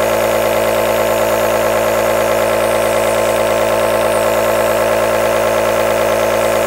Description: Enjoy 10 hour aerosol nebulizer sound.